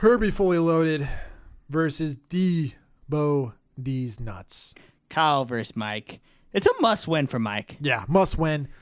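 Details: Adult male speakers, podcast-style conversation; normal conversational speech.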